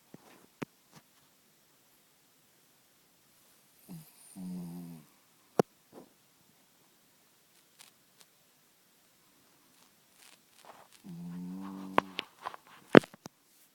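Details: Two long, low, buzzing snores on the in-breath about seven seconds apart, with small clicks and shuffling between; a dog snoring loudly in the morning.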